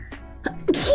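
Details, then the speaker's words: Sneeze: a quick catch of breath, then an abrupt hissing sneeze with faint background music. "oh right here I have a sneeze bless you excuse me"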